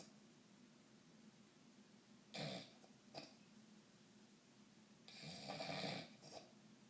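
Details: Person snoring loudly after drinking: two soft, breathy snores about three seconds apart against low room noise.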